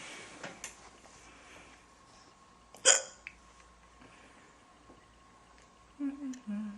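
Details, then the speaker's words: Girl with an ongoing bout of hiccups: a sharp, abrupt hiccup with a brief vocal catch, among softer hiccup sounds and a little quiet voice; ordinary hiccups. "hiccups. Waiting for them to be over. Because I can't do anything else until they're over."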